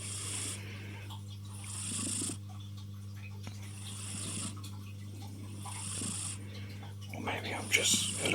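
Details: Tuxedo cat asleep on owner's arm, nostrils visibly moving: soft, wheezy snores and nasal whistles on each in-breath, about 15 a minute, over steady mains hum; cat snoring.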